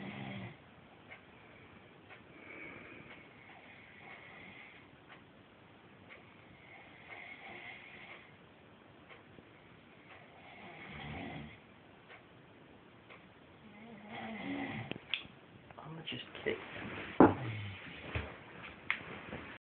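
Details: Snoring during sleep: soft, rough snoring breaths every few seconds over quiet room noise, louder near the end.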